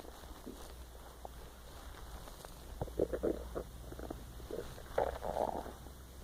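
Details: Empty-stomach growling recorded while lying awake trying to sleep: irregular low gurgles and squelching rumbles in a quiet room.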